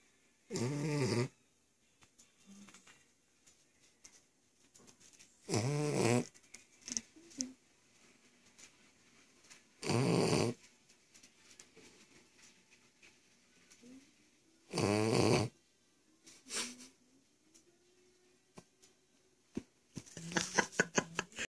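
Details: The family's youngest snoring heavily: loud rattling snores recur about every five seconds, roughly 12 per minute, with quiet breathing between them.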